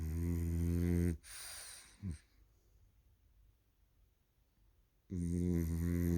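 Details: One-year-old male French Bulldog snoring: loud, rough, low-pitched snores, each followed by a quiet pause.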